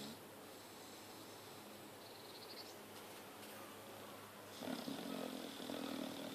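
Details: Chow Chow dog named Teddy Bear snoring while asleep: soft, rough breathing noise over room hiss, growing louder and coarser near the end; snoring.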